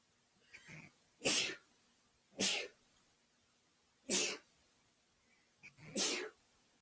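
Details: Ticklish sneezes, possibly set off by dust and a new Christmas tree: four short, sharp sneezes in a row, a couple preceded by a faint inward snuffle, against a quiet background.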